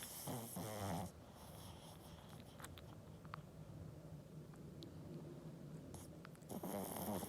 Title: My pug babs snoring, she always has her toung out#pugs#dogs#snoring#toung